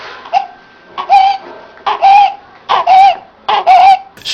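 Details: Infant audio example of stridor from an infant first-aid course: rapid, repeated high-pitched crowing breaths, typical of stridor from a narrowed upper airway.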